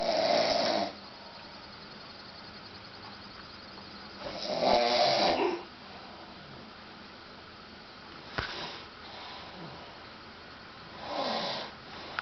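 Irregular rattling snores at about 13 a minute, separated by quiet stretches of breathing.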